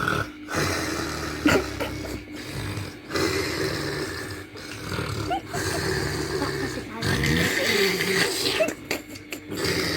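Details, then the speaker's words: Father pretends to snore as a prank to see the baby's reaction: loud, rough, playful fake snoring with some room noise; the baby only sucks her finger and smiles. "hai Bapak sudah capek mendengkur nya dan Adik ini dia hanya isap jari guys lihat dianya isap jari dan dia hanya tersenyum hehehe"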